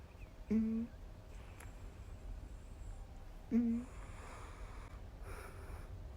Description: Snoring cat sounds like little farts.